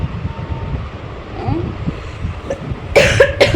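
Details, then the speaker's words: Two harsh cough bursts over faint background noise from a woman who says she has fallen ill, with a sore throat and hoarse voice; cough. "नको येऊ तुला बी होईल खोकला नाहीतर काय म्हणतो"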